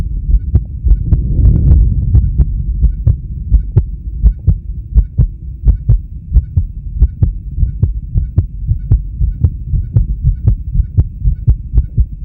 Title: Male heartbeat sound + blood pressure